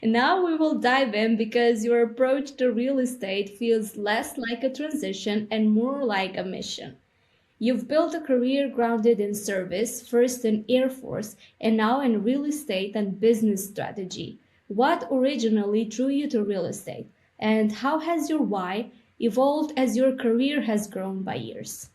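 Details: Adult female speaker; Normal speech.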